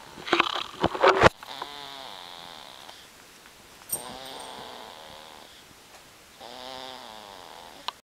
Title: snoring